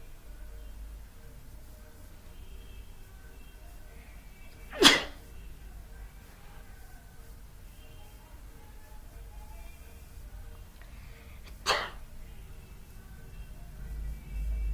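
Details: Two sharp sneezes about seven seconds apart, triggered by sniffing a small amount of sneezing powder, in a quiet room with faint background music; sneezing.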